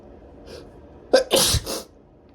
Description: I decided to induce a little bit before showering; it ended up being so tickly..